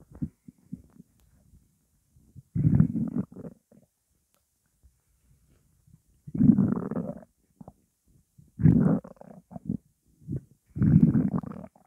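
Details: Stomach growling from hunger while the stomach holds only water: low gurgling rumbles in irregular bursts, about four over twelve seconds, with quiet gaps. A normal sound.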